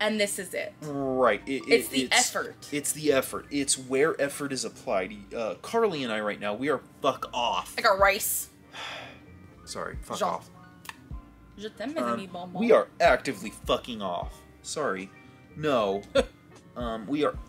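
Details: Adult man with Tourette syndrome, real not acted, with vocal tics, actively suppressing them while talking; Tourette syndrome vocal tics.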